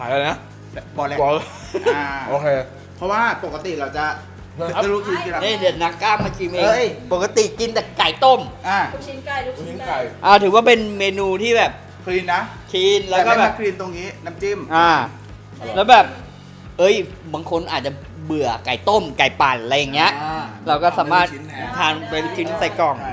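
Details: Thai-speaking host of a stuttering-themed cooking show, speaking while cooking; stuttering.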